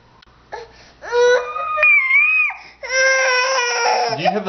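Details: 11-month-old girl, fussy before bed while being fed oatmeal: short rising wails in a clear, high voice with brief pauses; an infant crying.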